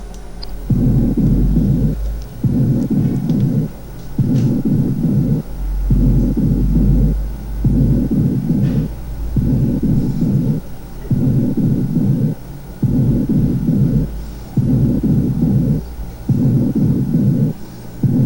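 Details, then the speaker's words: Patient whispers "1, 2, 3" under the stethoscope over healthy lung, in contrast to the pleural effusion area; muffled, drum-like, unintelligible bursts: normal whispered voice transmission, no whispered pectoriloquy. "Ok, pueden ustedes notar claramente la diferencia. 1, 2, 3 cuchicheado en el área sana."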